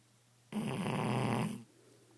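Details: Sleeping Shar Pei dog snoring: a single low, rumbling, fluttering breath lasting about a second.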